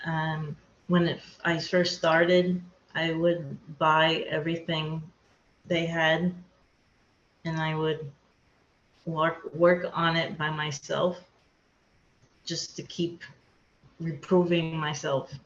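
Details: Aphasia in a woman after a hemorrhagic stroke; she could not talk for two years after the stroke and still has word-finding difficulty.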